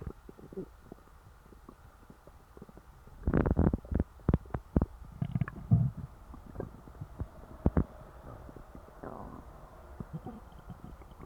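Low gurgles and bubbling pops with brief rumbling runs after a full meal; ordinary stomach growling.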